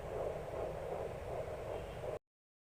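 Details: Home fetal Doppler in the second trimester of pregnancy: rapid, rhythmic whooshing pulses through the speaker, the fast heartbeat of the unborn baby.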